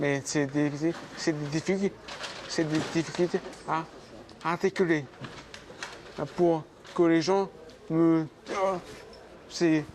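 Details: Adult man speaking at work, with aphasia for more than 20 years after a 12-metre fall and several weeks of coma; aphasia.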